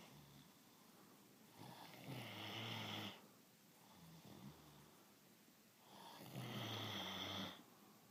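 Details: Two long rattling, buzzing snores on inhalation about four seconds apart, with quieter breaths between; snoring.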